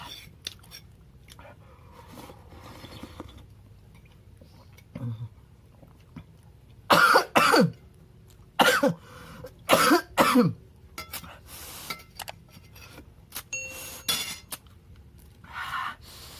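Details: Several sharp coughs in brief bursts while eating homemade spicy noodle soup with lots of chili, with quiet room noise between them.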